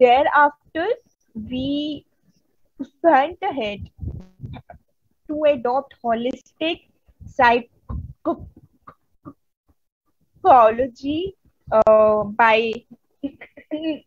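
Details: Woman who stutters, a member of an Indian stammering self-help association, speaking at a stuttering conference; stuttering.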